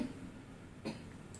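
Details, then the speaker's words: Single short, muffled cough over quiet room noise from a woman with stage 3 breast cancer, coughing for about two weeks since an AZ vaccine dose, at a Taiwan hospital visit; doctor raised possible mycoplasma. "好，我像这样咳多久了哈？2个礼拜哈，1、2个礼拜。打完疫苗才开始咳。"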